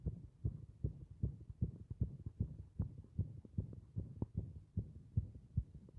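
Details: Heart beating against compression: fast, regular low thumping heartbeat at about 150 beats a minute, with a faint background hum.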